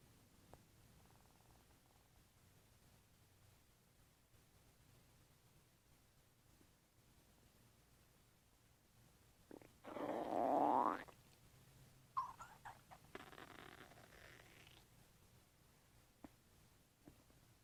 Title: 2 min video of my stomach making wild noises